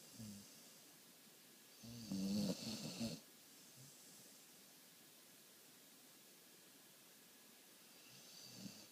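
A single low, rough snoring breath in a quiet room, then faint breathing; snoring during sleep.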